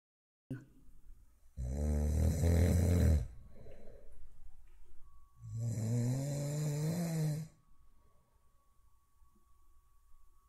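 Two loud, rattling, low-pitched snores on inhalation, with quieter breathing between them: snoring.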